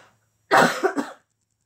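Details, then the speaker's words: Adult coughing for no known reason shortly after eating eggs: a single cough with a sharp explosive onset and two to three trailing bursts, about 0.7 seconds. "no idea why I'm coughing I just had eggs"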